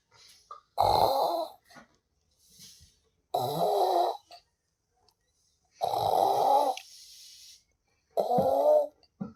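Loud, harsh snorting snores in bursts about every two to three seconds, with quiet gaps between; heavy snoring.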